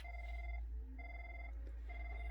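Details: Three steady electronic tones, each about half a second long, over a low hum from a Yoshida CO2 dental laser switched on with its key; a normal power-on signal.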